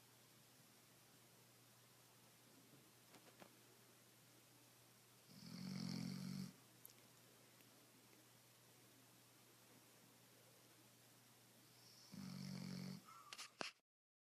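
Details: Female Doberman snoring as she rests: two loud, low rattling snores several seconds apart over quiet room noise.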